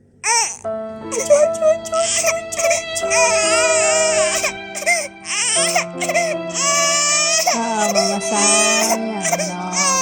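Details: A baby girl's bursts of high, wavering crying over steady background music; an ordinary infant cry.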